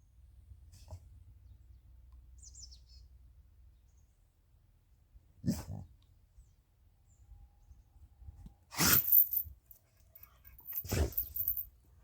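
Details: Dog sneezing; the owner's tags suggest a cold: three short, sharp nasal bursts over a quiet background.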